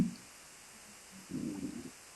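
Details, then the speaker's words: Adult's stomach growling (borborygmi), noticed aloud during a live interview: "I don't know if you heard my stomach growling, sorry." "I don't know y heard my stomach growling just sorry that's okay"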